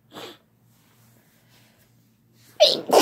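A single forceful adult sneeze after a quiet pause, with a breathy intake at the start; an ordinary sneeze.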